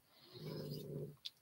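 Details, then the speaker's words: A sleeping female puppy lying next to her owner gives a single low, rumbling snore, followed by a brief faint click. "you can hear my puppy snore probably you can hear her snore in a lot of my videos she's always next to me"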